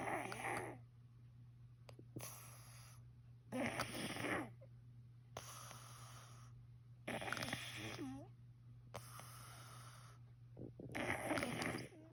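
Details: Loud, rough snores from a sleeping male, one with each breath, about six in twelve seconds, over a steady low room hum: snoring.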